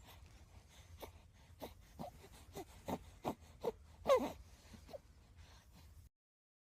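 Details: Soft short grunts, coos and little moaning sounds from a newborn baby boy, with one brief louder squeak; normal newborn vocalizations.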